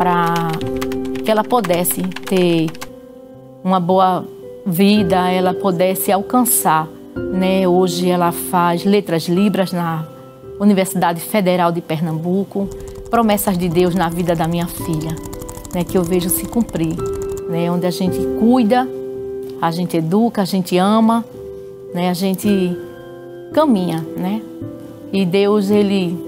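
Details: Adult woman speaking Portuguese; normal speech.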